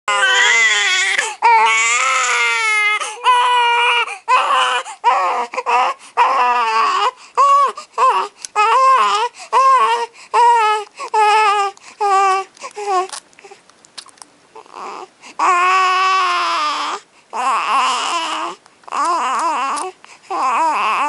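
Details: Infant son crying: loud, bursting wails repeated with short gasps between, then quieter whimpers and fussing noises; an infant cry.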